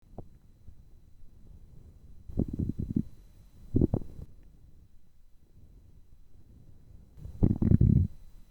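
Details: Three short bursts of gurgling, rumbling hunger growls from an empty stomach in a quiet room; borborygmi recorded for listening with earphones.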